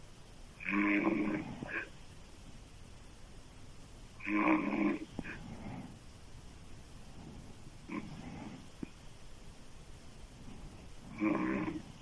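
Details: Woman's loud, harsh, throaty open-mouth snoring, described as sounding like a man's, about 17 a minute, uneven rhythm with snorting catches; heavy snoring.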